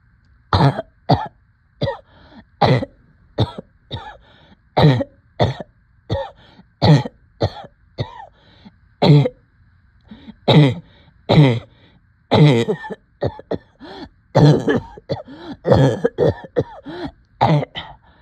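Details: Coughing with shortness of breath: repeated harsh coughs and throat clearing in rapid bursts, about thirty over eighteen seconds, with little pause between them.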